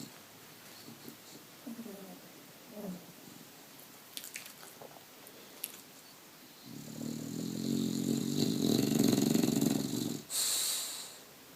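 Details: One-year-old Bulldog snoring in the morning, recorded on a phone: quiet breathing, then one long, loud, rattling snore on the in-breath followed by a snorting exhale.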